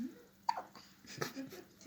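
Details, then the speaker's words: Infant girl with hiccups, awake: two abrupt, short catches of breath about three-quarters of a second apart, with soft breathing between. "Your Uncle Sean's gonna laugh at you when you get hiccups. You will. Yeah. But at the same time, they keep her awake."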